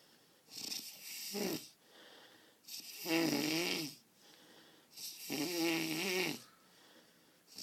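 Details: Snoring: loud rattling snores on each breath in, about 24 a minute, with quieter breaths out between them.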